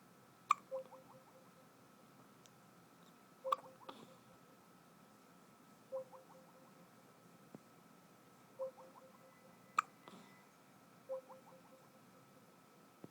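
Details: Baby hiccups: five small, regular hiccups, one every two to three seconds, each a soft catch followed by a brief squeak, in a quiet room.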